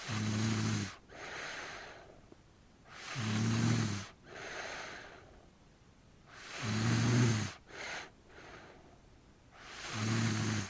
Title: Snoring At Night Ambience Sound Effect